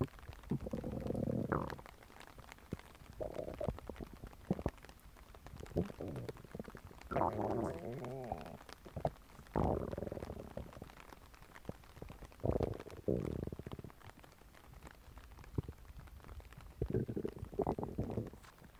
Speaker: So today we are going to be doing another stomach grumbling